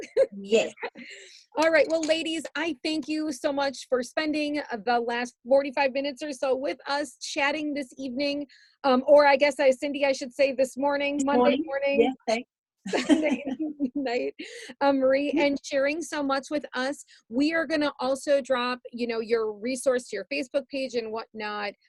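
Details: Adult woman; ordinary speech.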